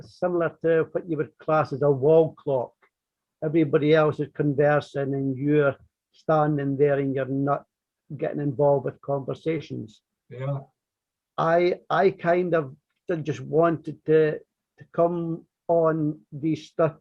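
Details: Stuttering (stammering) in an adult man from north-east England who has stammered since very early childhood, formerly covert and never severe; part-word and word repetitions are heard in this stretch.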